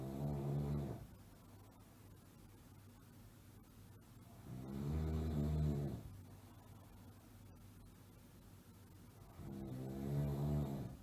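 Slow, rumbling snores on each breath in, about 12 a minute, with quiet gaps between them.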